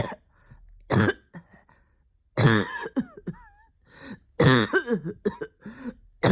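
Several harsh, wet-edged cough bursts with throat clearing, in a quiet room; a lingering cough after illness.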